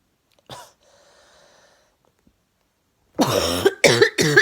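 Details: Adult with a chronic cough that has recurred yearly for five years, each bout lasting 6 to 9 months, reportedly milder and more settled this year on medication: one short cough, a faint breath, then three loud, harsh, voiced coughs.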